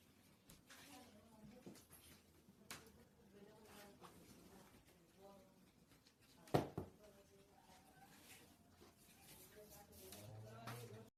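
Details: Quiet recording of an infant with several abrupt hiccup jolts and faint soft vocal sounds in a small room; infant hiccups.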